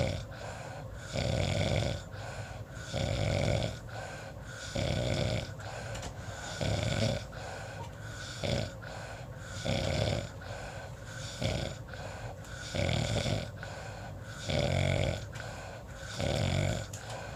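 Loud, rhythmic rattling snores with each breath, roughly eighteen a minute, with quieter pauses between them.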